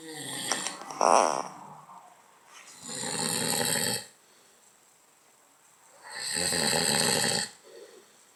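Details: Father snoring while asleep: two long, loud, rattling inspiratory snores separated by quiet pauses, with a brief noise at the start.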